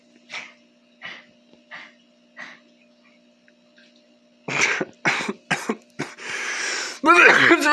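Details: Dog gagging (four soft, evenly spaced retching sounds) after waking and stretching, followed by a person's burst of loud harsh coughing and throat-clearing.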